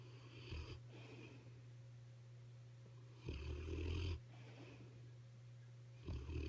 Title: snoring 12-23-15 (2)